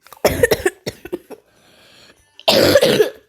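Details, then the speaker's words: Coughing during a recording by someone who says they are a little sick: a burst of several quick, harsh coughs, a brief pause, then another loud cough. "Sorry if you hear me coughing. I'm a little sick. Well, not sick, but like I cough, so yeah."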